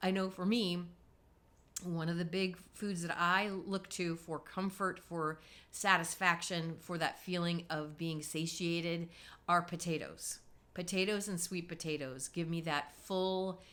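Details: Adult woman speaking; normal voice after recovery from spasmodic dysphonia.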